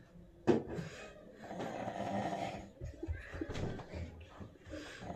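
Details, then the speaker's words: Sleeping husband recorded by his wife, who complains of his loud snoring; loud, rough, rattling snore on a long breath with shorter snorting breath noises in a quiet small room. "देखिए देखिए, आप सुन सकते हैं इतने जोर जोर से खर्राटे मार रहे हैं।"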